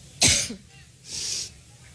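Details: Coughing fit lasting over 4 minutes in an adult woman while speaking at a Cleveland rally, which she attributed to an allergic reaction: one sharp dry cough followed by a breathy exhalation.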